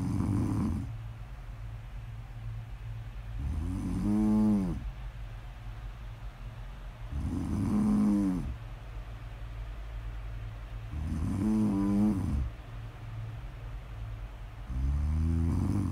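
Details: Regular low, buzzing snores with each breath, about 16 a minute, over a steady background hum; ordinary snoring, recorded as snore audio ASMR.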